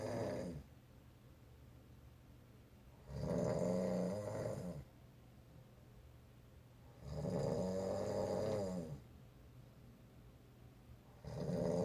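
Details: Loud snoring at night from a sleeping individual, recorded from the opposite side of the room: slow, regular rumbling snores on each inhalation, about 15 breaths a minute, with quiet exhales between; ordinary snoring.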